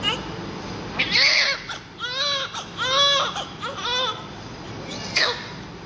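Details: Newborn just after birth, covered in heavy vernix and being cleaned, gives repeated short, rising-and-falling cries with room noise behind; a normal vigorous newborn cry.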